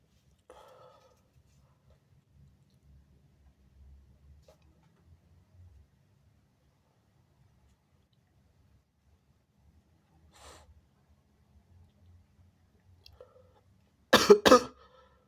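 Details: A short, soft double cough in a near-silent room from a person who was otherwise recording big wet sneezes, stifles and noseblows on a mirror; a little, ordinary cough.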